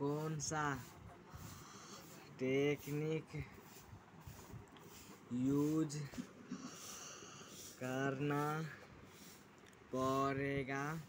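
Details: 16-year-old boy in 9th class who reports a stammering problem, speaking very slowly word by word with long pauses while demonstrating a technique to overcome stammering; stuttering.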